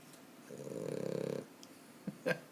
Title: Guster the snoring dog...